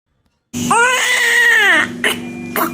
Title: Newborn Baby Crying Sound Effect- Baby crying